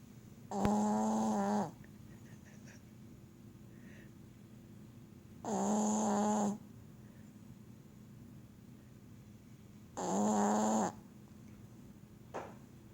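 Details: Loud, buzzing, tonal snores about every four to five seconds, roughly 13 per minute, in a quiet room: heavy snoring in a sleeping dog.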